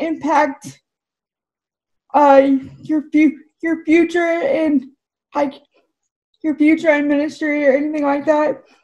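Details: Woman with cerebral palsy whose speech is affected by the condition: dysarthria (cerebral palsy).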